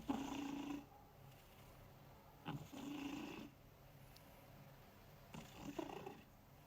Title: Crazy Cat Lovers, Watch Me Work While My Snoring Cat Unwinds!